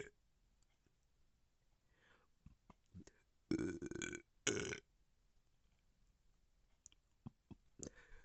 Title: #belching #gassy #burp